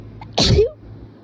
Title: Strong sneezes with nose blow